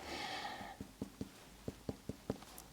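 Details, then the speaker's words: A series of hollow, drum-like finger-percussion taps over the abdomen of an adult woman at a real-person head-to-toe exam; tympanic throughout, a little dull over the descending colon, which is attributed to no bowel movement today. "Okay. But otherwise, it sounds tympanic throughout."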